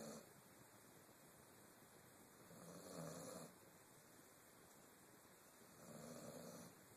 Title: Snoring Doggy